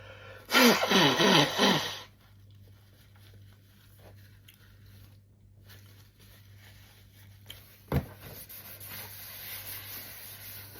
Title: When I sneeze #childhood #funnymemes #funny